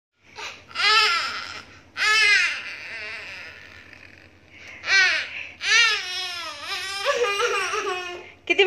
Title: New born baby cry sounds ☺️😭,